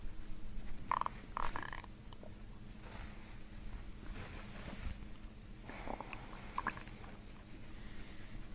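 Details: Low rumbling gurgles with brief squeaky bubbling bursts over steady background, released during chiropractic abdominal work a few inches above the belly button; audible bowel sounds, borborygmi.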